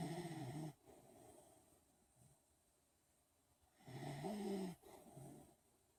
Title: Giddy snoring